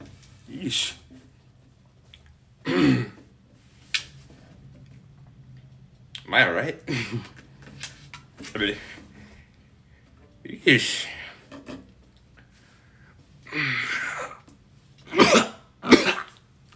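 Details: Repeated harsh cough bursts with throat clearing, about nine or ten over seventeen seconds, in a small room, interrupting cello playing, cause unknown; coughing fit.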